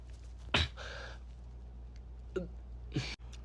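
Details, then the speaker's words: An adult's persistent hiccups that won't stop, occurring while they talk to the camera. "obviously the hiccups won't stop."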